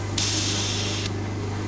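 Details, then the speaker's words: Hospital/clinic suction machine being demonstrated: steady low motor hum, and when the catheter is pressed the sound changes to a loud rushing hiss for about a second as it draws air; suction in operation. "Oke, kita coba dulu cara kerjanya. Ini ya, dia berbunyi nih. Nah, kalau ini kita tekan, nah hilang bunyinya karena dia menyedot."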